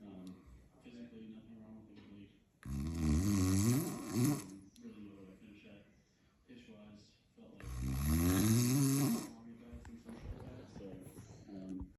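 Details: Loud, harsh, fluttering snores on the in-breath, about 12 per minute, with quieter breathing noise between them: snoring.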